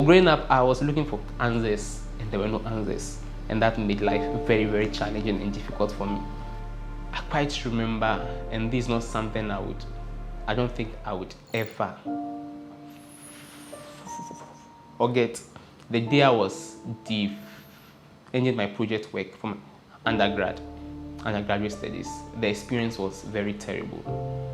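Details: Adult who stammers, speaking in real life about his or her own experiences; stuttering (stammering).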